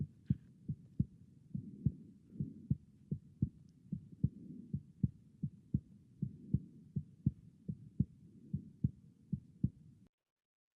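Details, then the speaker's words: Left ventricular S3 gallop at the apex: regular low-pitched heartbeat with a soft extra thud after S2, giving a galloping triple rhythm. "This is an S3 at the apex. S3 at the apex is a left ventricular S3."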